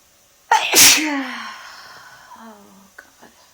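One forceful sneeze with a sharp intake and explosive burst, trailing into a voiced sigh, deliberately brought on.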